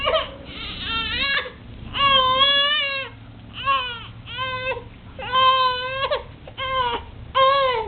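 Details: Baby during tummy time cries in repeated rhythmic bursts. Coughing is reported, but no distinct cough stands out from the crying. Infant crying.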